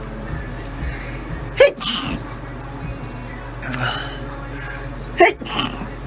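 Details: K-pop singer (GOT7) sneezing during a talk segment: two sudden explosive sneezes, each a sharp burst with a short breathy tail, over background music and talk.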